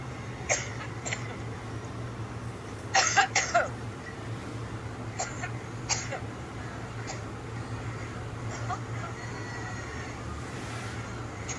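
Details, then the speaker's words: Adult woman's prolonged coughing fit at a Labor Day 2016 speech in Cleveland, lasting several minutes, which she blamed on allergies: repeated short, dry coughs and throat clearing in bursts, including a quick cluster of three. "coughing literally for three and a half four minutes uh this is labor day september 5th 2016."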